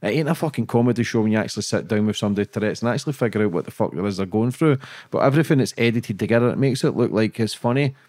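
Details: Adult man; typical speech.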